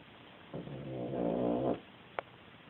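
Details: Sleeping cat snoring like a man: a single loud, low, buzzing snore lasting about a second, then quiet with a faint click.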